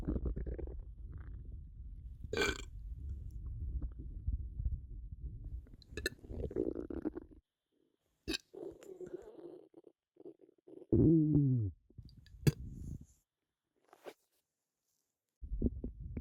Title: Bloated stomach sounds and burping